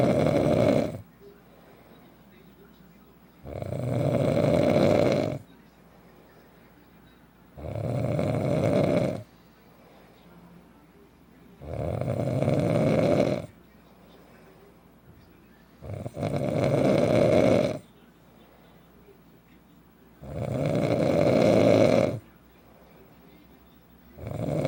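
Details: Adult husband snoring loudly every night while asleep, regular snores about 15 per minute, each nearly two seconds: snoring.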